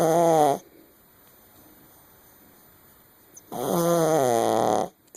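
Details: Awake dog Queenie makes two long, loud voiced snore-like noises separated by about three seconds of quiet after waking up; snoring.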